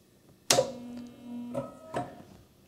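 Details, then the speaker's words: Merlin small animal ventilator during a setup test in pressure-cycling mode, with target pressure 10, flow 6 and about 90 ml delivered: a sharp click, a steady tone and two more clicks as it cycles pressure-cycled breaths. "okay now it's delivering to pressure of 10 and the delivered volume is uh 90 Ms or so so we're basically doing exactly the same thing that's pressure cycling"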